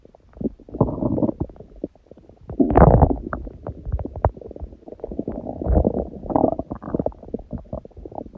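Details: Hunger stomach growling: continuous low gurgling and rattling bowel sounds with a few louder rumbles.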